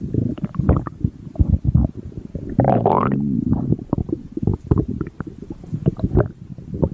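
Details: Mink stomach growling: frequent low gurgles and rumbles from the belly with a brief rising squeak, ordinary active bowel sounds.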